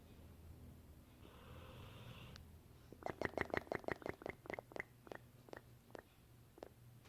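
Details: Dogue de Bordeaux (French Mastiff) dog sleeping and snoring with a soft breathy rasp, then fast slapping flutters as his cheeks flap.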